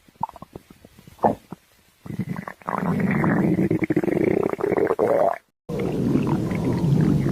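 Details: Stomach growling from a person: short gurgles and clicks building into long, loud, rumbling and squeaking growls.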